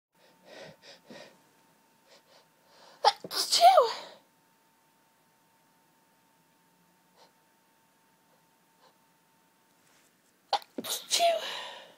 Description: Very intense fit of sneezes brought on by hayfever again, these sneezes felt incredible but they just wouldn't stop and they were so intense & the relief felt so good